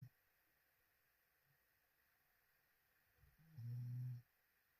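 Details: Sleeper filmed on a live sleep stream, snoring loudly with an open mouth.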